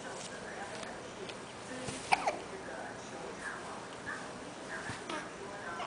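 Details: Newborn baby hiccups: two quick, sharp hiccups against soft room noise and quiet background talk.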